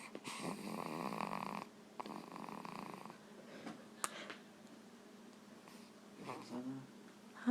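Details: Sleeping pet snoring: two long, rough, fluttering snores, then quieter breathing and a brief soft sound near the end.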